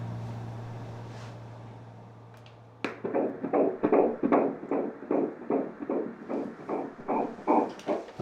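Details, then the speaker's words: Fetal heartbeat heard at an obstetric visit, with fast, regular whooshing pulses on ultrasound Doppler at about 160 a minute, a normal rate. "Todd: Yep, this is the fun part. Miller: Let's listen to some heartbeat."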